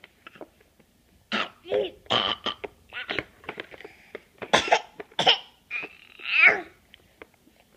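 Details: Nine-month-old infant fake coughing: a series of short, breathy, deliberate cough-like sounds with small squeaky vocal bits between them. A voluntary cough.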